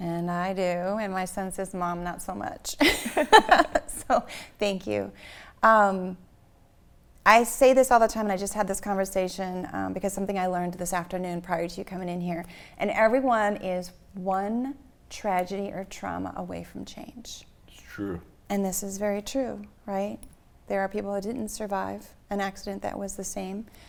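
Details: Adult woman speaking; typical speech.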